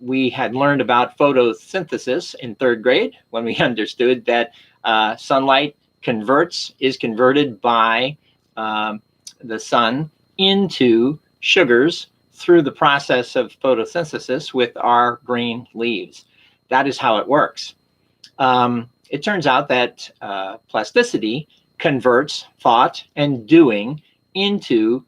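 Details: Adult man who had a stroke with aphasia in 2011, initially unable to read, write or speak well, later improved; recorded over seven years post-stroke, with possible residual word repetitions; mild residual aphasia.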